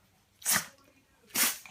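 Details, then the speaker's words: Female pug with repeated sneezing: two sharp, hissing sneezes about a second apart; the owner wonders if something is in her nose and mentions a hole in the top of her head. "What's the matter? Bless you. Bless you. The sneezing pug."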